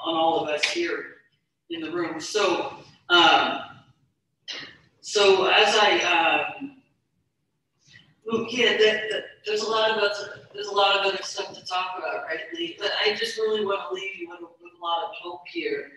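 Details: Stuttering in a woman speaker who stutters since childhood; real speech.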